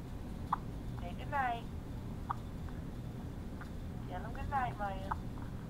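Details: A young child, awake at 2 a.m., babbles and talks between two or three short, sharp hiccups over a low room hum; recorded on a phone; hiccups.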